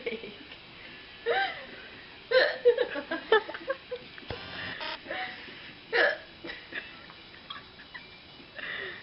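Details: Intoxicated young woman with hiccups that she says hurt: repeated short, abrupt voiced hic sounds at irregular intervals, mixed with soft vocal noises; hiccups.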